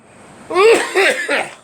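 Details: Adult man in a quiet small room giving three quick, voiced, throaty cough bursts in a row; cough.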